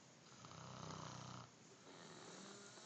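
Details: Adult woman (wife) snoring at night: a single long, rattling snore on an in-breath, likened to a freight train, followed by quieter breathing in a still room.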